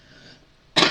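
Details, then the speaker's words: A single short, harsh cough burst after a quiet pause, from an adult with a recurring cold that keeps returning to the chest. "every time I feel like I'm over this cold it comes back in my chest and then I start feeling like crap again and so I'm still a little you'll hear me cough through out there"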